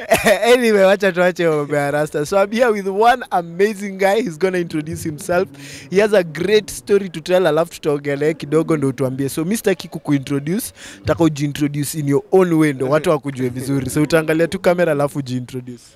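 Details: Adult male speaker; normal speech.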